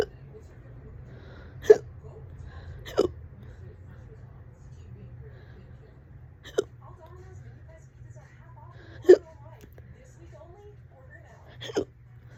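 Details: Fast, loud hiccups, on and off all day, this bout about 30 minutes: five sharp hiccups over about twelve seconds at irregular intervals against quiet room noise.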